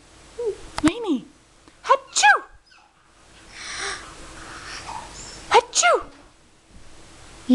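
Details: Imitated sneezes, copying someone else's sneezes: several sharp sneeze-like bursts with high, squeaky vocal sounds around them and quiet room noise between.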